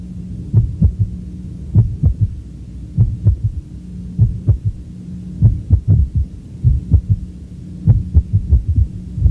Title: Third Heart Sound